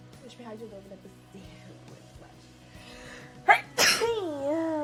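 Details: Sneezing from an allergic streamer: quiet talk, a short inward catch, then a loud explosive sneeze and a drawn-out groan, with music behind; the streamer wonders aloud whether it could be flu.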